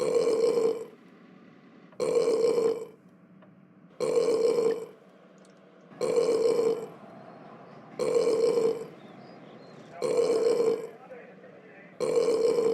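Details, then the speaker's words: Cartoon, not real: seven loud, identical burps about two seconds apart, a looped sound effect for a character burping in class; burping. "Franklin how dare you burp in class principal's office"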